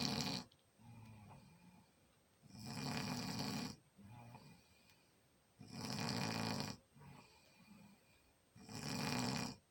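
Steady snoring, about 20 breaths a minute: harsh, fluttering inhales alternating with softer, lower exhales.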